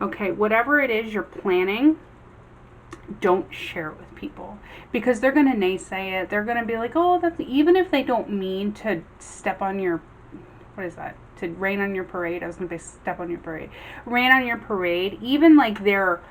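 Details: Adult female with epilepsy and aphasia caused by it, tripping over and substituting words when unwell, speaking after a two-day migraine: aphasia (word-finding difficulty).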